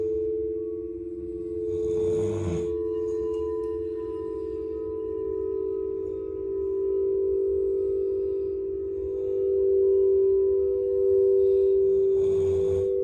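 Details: Two rough, rumbling snore breaths about ten seconds apart beneath a steady ringing singing-bowl tone during a sound bath: snoring.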